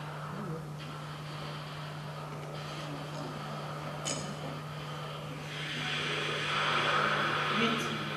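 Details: Lecture demonstration of instrumental music heard through a simulated 16-channel cochlear implant: hissy, buzzing, noise-like sound with a steady low hum and no clear melody.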